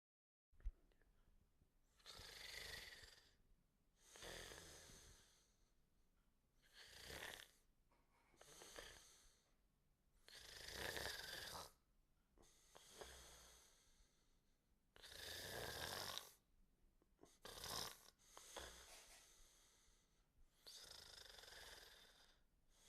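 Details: Repeated noisy, rasping breath sounds of snoring, one roughly every two seconds, in a quiet room.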